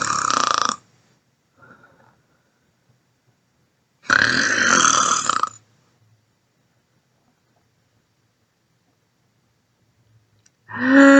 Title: SNORING ISN'T SEXY